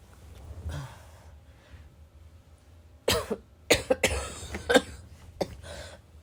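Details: Adult who vapes, unsure whether the cough is from vaping or illness: several harsh, heavy, barking smoker-type coughs mixed with throat clearing and snorting.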